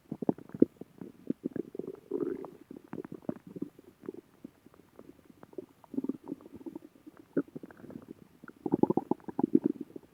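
Irregular gurgling and bubbling rumbles with brief pauses, typical of stomach growling from normal gut movement.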